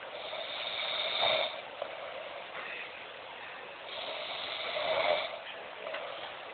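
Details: Adult male friend snoring during sleep: two slow, noisy, rasping breath sounds recurring about four seconds apart over a faint background hiss.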